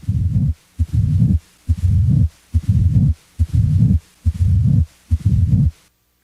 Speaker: a late diastolic murmur as heard with mitral stenosis starts late in diastole and typically continues up to s1